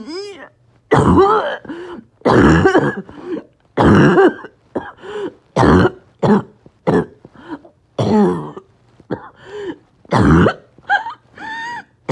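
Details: Patient with COPD and low oxygen, extreme shortness of breath: loud, harsh back-to-back barking, choking coughs with gasping, strained breaths between them; a coughing spasm.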